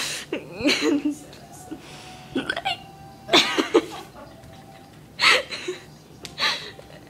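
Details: Person with hiccups: sudden, sharp, voiced catches in the throat, about three in seven seconds at uneven intervals, with some laughter; hiccups.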